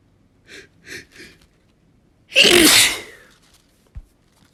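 Three quick sharp intakes followed by one loud explosive sneeze, then quiet.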